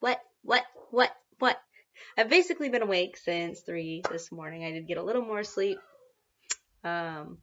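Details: Adult woman and mother of a toddler with tics she calls seasonal Tourette's, after a rough night waking at 3 a.m. ticking and shaking; she involuntarily repeats the word "what" while speaking; vocal tic (word repetition).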